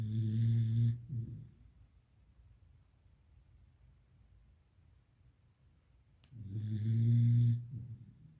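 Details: Beagle puppy in deep sleep, with two loud, low, rattling snores about five seconds apart and quiet breathing between them: ordinary snoring.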